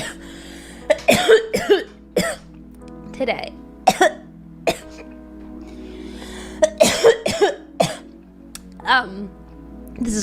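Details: An adult woman gives repeated harsh coughing bursts in clusters over steady background music, a cough after smoking a bong.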